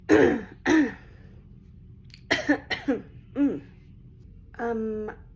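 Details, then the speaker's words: Acted throat clearing and short coughs from an adult woman in a skit about OCD. She has a throat itch and an occasional little cough that she attributes to allergies. "I just have an itch in my throat. What are your symptoms? Just the itch and sometimes a little cough."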